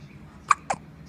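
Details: Two short, sharp little hiccup sounds close together over a faint background hum, from a baby with hiccups.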